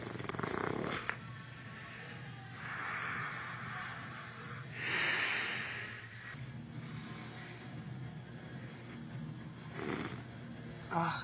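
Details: Adult male, deeply asleep on his back, snoring loudly in a jackhammer style.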